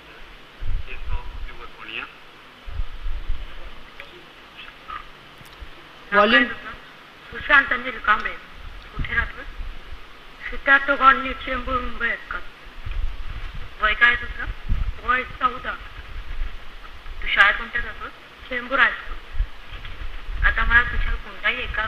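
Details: Male puberphonia patient speaking Marathi before voice therapy; puberphonia.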